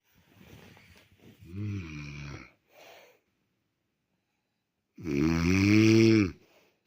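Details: An adult woman (wife) snoring, with two loud, rattling, low-pitched inhaled snores and a pause between them: typical snoring during sleep.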